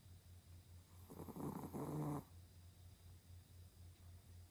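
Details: Sleeping pet snoring: soft, low throbbing in quick pulses under a brief louder snorting breath; light snoring.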